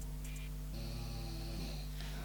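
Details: Snoring.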